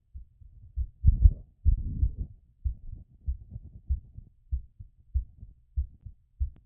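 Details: Heartbeat after exercise.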